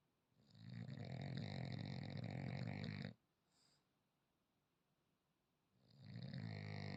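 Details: French bulldog snoring while asleep.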